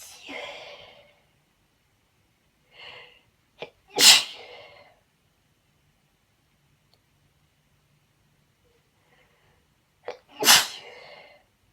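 Two sharp, loud uncovered sneezes, each preceded by short indrawn breaths; ordinary sneezing.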